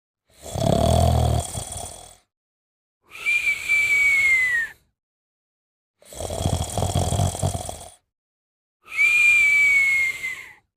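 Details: Sleeping subject snoring and whistling: rough low snore on inhalation alternating with high whistling tone on exhalation, about 11 breaths a minute; snoring with whistling.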